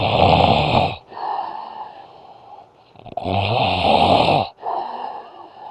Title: My snoring tito